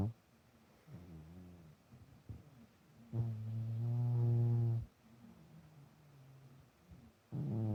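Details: Sleeping cat snoring: deep, drawn-out rumbling breaths with a strong low tone, separated by quiet pauses.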